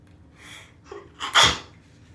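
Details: Sneezes at bath time; the sneezing was deliberately induced, and sneezing continued a little afterward without inducing.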